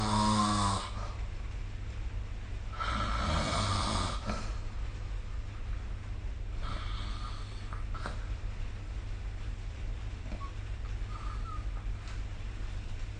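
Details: Sleeping adult recorded with the SnoreLab app: rough, raspy snoring noises spaced a few seconds apart over steady room hum.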